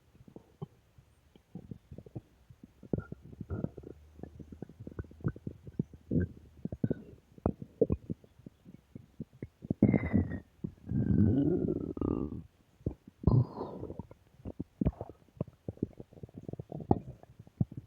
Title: Stomach Growl Audio 4